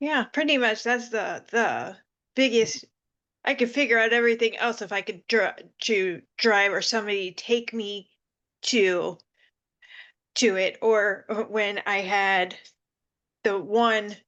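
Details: Panelist with aphasia who also has seizures, speaking on a virtual aphasia conference panel; finding: aphasia.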